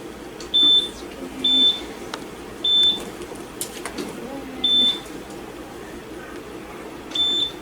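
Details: ECG monitor on a nervous dog with a heart rate of about 152 (38 in 15 seconds), leads placed just below the elbows and stifles: short high-pitched beeps repeating every one to two seconds over quiet room noise.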